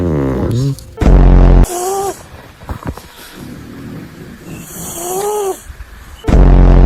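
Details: Loud, low, buzzing snore bursts roughly five seconds apart from a sleeping cat, with tonal music-like sounds between them: snoring.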